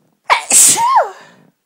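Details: A single loud sneeze at Christmas: a sharp intake, a hissing burst, then a voiced "choo" trailing off.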